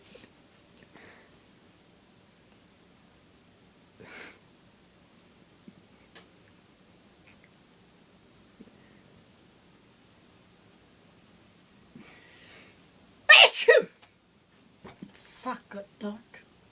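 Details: Grandmother with a repeated sneezing fit: quiet breathing and sniffs, then one loud explosive sneeze followed by smaller bursts.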